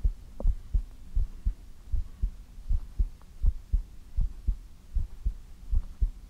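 Steady paired low thumps, about 79 a minute, with a faint hum underneath; a regular heartbeat.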